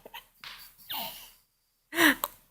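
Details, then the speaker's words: An adult mother sneezes ("ah-choo") and her nine-month-old baby laughs at the sneeze. "hey uh chew she laughs at my sneeze H"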